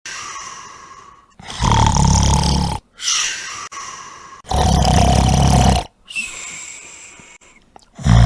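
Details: Simulated comic snoring from a man, with loud, exaggerated harsh rumbling inhalations alternating with whistling exhalations: acted snoring.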